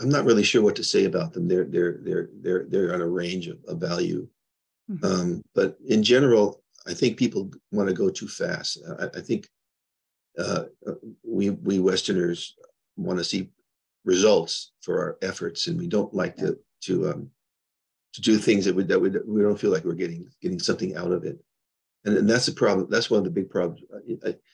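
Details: Adult man with Parkinson's disease diagnosed 21 years ago and progressing; he reports stuttering a little, losing words, poor balance, anxiety, depression and memory problems; finding: neurogenic stuttering.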